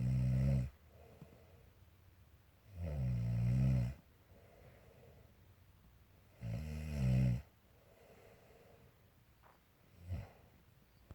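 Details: Adult woman (mother) snoring: deep, rumbling snores with quiet pauses, three loud snores plus a fainter one; ordinary heavy snoring.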